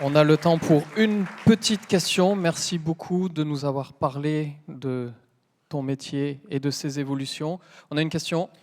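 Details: Adult man speaking French; Normal speech.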